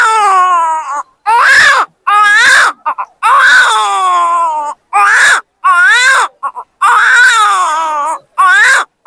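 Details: An adult man imitates a newborn's cry just after birth: repeated high, wavering wails separated by short breath pauses.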